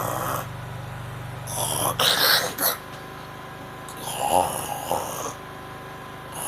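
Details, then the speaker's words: Imitated heavy snoring: rough snorting breaths with gasps, interrupted by sudden partial awakenings, demonstrating snoring with frequent waking. "You snore like this. When you snore like this and wake up frequently, like you wake up more often when you are snoring."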